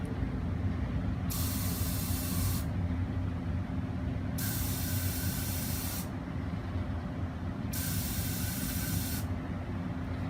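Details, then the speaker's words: Homemade ventilator prototype (air blower, regulator pre-tuned at four bar) delivering air into the builder's open throat with little back pressure: three rhythmic, roughly one-second bursts of hissing air over a steady low blower hum; cyclic ventilator airflow. "okay so here you're gonna see it in action the first thing I'll do is I will allow my throat to be open so the air can flow into my throat with very little back pressure"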